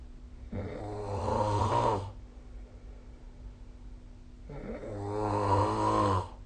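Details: Snoring recorded with the SnoreLab phone app during sleep: two loud, rattling snores about four seconds apart, each over a second long, with a faint steady hum between them.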